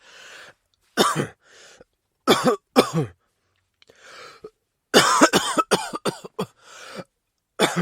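Repeated sharp coughs, singly and in a quick burst of several, with softer breaths between; a plain cough.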